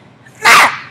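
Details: Simple vocal tic in a 20-year-old woman with Tourette syndrome, diagnosed around age 6, whose tics were severe in elementary and middle school.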